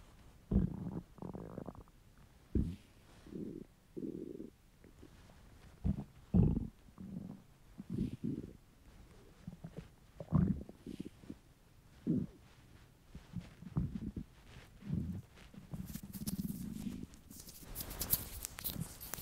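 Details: Hunger stomach rumbles from a male: low gurgling, rumbling bowel sounds in irregular bursts; normal borborygmi.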